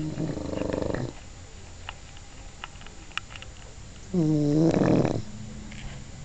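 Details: English bulldog snoring while awake: two loud, groaning, buzzy snores a few seconds apart, the snoring of a flat-faced dog.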